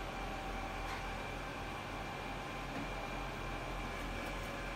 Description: Uniz Model Separation Machine: 20 seconds for dental models separation